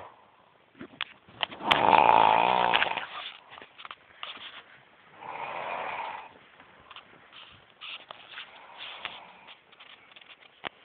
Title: Superhit snoring